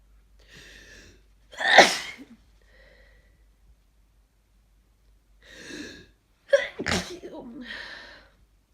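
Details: Two forceful, sharp, explosive sneezes, each preceded by a rising intake of breath, during a congested head cold; sneezes felt scratchy on the throat.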